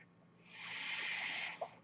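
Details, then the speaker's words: A single airy hiss swelling and fading as a mechanical ventilator delivers a breath, heard behind a man speaking on his podcast. "My name is, and that noise you hear is my ventilator, and thank you so much"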